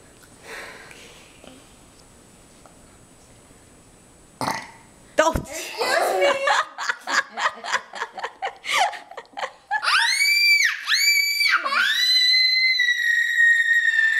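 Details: Child burps loudly after a yogurt lunch, then bursts into bright laughter and squeals in a quiet room.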